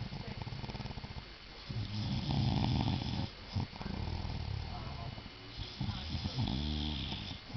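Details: A man snoring really loud in his sleep: loud, deep, rumbling snores with snorting breaths, repeated over several breaths; snoring.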